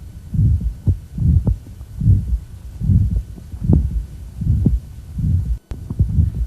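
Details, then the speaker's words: Young man with aortic valve stenosis (bicuspid valve ejection sound sought): regular heartbeat near 73/min with a harsh crescendo mid-systolic murmur after S1, little radiation at the apex but clear radiation heard above the clavicle. "didn't hear much radiation out at the apex but here there's clear radiation above the clavicle"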